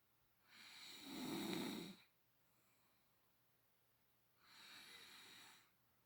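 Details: Sleeping adult woman: two long, rattling snores, one louder and rougher, separated by quiet pauses in a quiet room; loud snoring.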